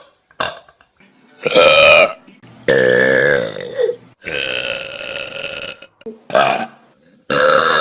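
A series of loud, long, rumbling burps, about six in a row, separated by brief pauses: belching.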